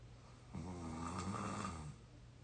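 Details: 22-year-old, exhausted and deeply asleep: one low, rattling, buzzing snore on a breath in, with quiet breathing around it; snoring.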